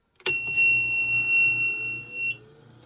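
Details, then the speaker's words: Home oxygen concentrator, set to one liter at night for a ventilator-dependent patient, being switched on during bedtime setup: a loud, steady high-pitched tone over a low motor hum, its start-up sound. "And then the oxygen tubing, which is hooked up already here, just gets hooked onto this. It just slides on. And then you turn it on. Loud"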